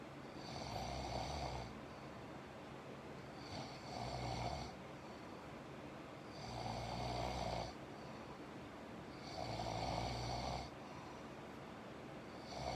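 Regular rattling snores, about five in thirteen seconds (roughly 20 breaths a minute), with quiet gaps between: ordinary snoring during sleep.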